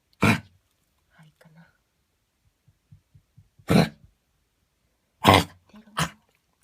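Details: Dog coughing, which began while running in the park and recurred the next morning on and off for about half an hour: four harsh, forceful coughs with quiet pauses between. Dog coughing.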